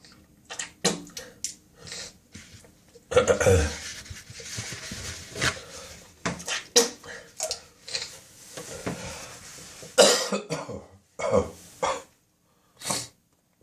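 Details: Coughing spasm at 4 a.m., recorded on a smartphone in the bathroom with gagging and spitting: repeated harsh coughs mixed with throaty gagging and retching in a small echoing room.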